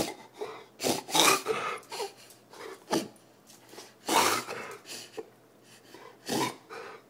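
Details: Dog with kennel cough: repeated harsh, dry honking coughs with throat-clearing sounds.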